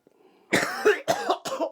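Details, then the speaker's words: 26-year-old with cystic fibrosis on a 2-week course of IV antibiotics, lung function down from 92% to 74%, after nebulizers and physio: three harsh wet coughs in quick succession; productive cough clearing mucus. "now living with CF this happens a lot after my coughing fit I'll actually lie there and think I am 26 and I'm watching Star Wars what is wrong with me"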